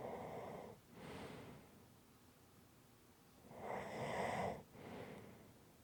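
Two rough, rattling breath sounds with quiet pauses between them, the inward breath noisy and fluttering: snoring.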